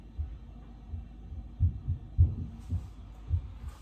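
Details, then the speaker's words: Normal heart sounds heard during a health assessment, with auscultation at the aortic, pulmonic, Erb's point, mitral and apical sites: soft, low, fairly quick, steady lub-dub pairs at the apex. "so at this time i will also listen for her heart sound as well starting off with her um aortic aortic pulmonary herbs point mitrial and apical"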